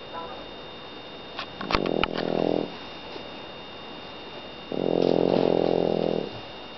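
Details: Sleeping French bulldog snoring: two buzzing, rattly snores, one short and one longer, with quiet pauses between.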